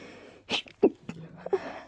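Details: Person with allergies trying to hold back strong sneezes after tickly build-ups: a few short, muffled, stifled sneeze bursts with faint breathy sounds between, suppressed allergy sneezing.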